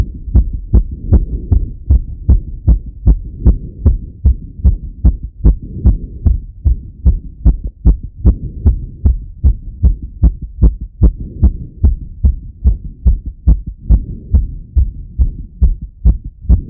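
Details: Male's own heart auscultated with a stethoscope after a workout set: fast, regular rapid heartbeat about 150 beats a minute after exercise.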